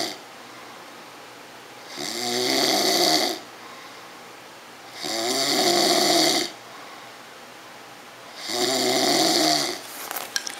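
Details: Loud, regular, rattling snores during a nap, likened to a diesel engine, about 19 a minute, each on a long inspiration with quiet expirations between; snoring.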